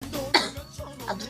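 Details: Short harsh throaty cough from a woman live-streaming with a throat cold and a very sore throat, over background music.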